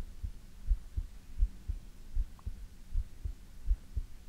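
Soft, low, paired thumps repeating steadily at about 80 beats a minute. Heartbeat, with a faint hum underneath.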